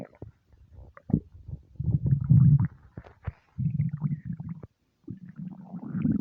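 Low, bubbling gurgles and rumbles rising and falling in waves with short pauses: ordinary hunger-related stomach rumbling.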